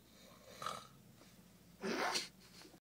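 Two noisy, rattling breath sounds over a few seconds, the second longer and louder, fitting snoring.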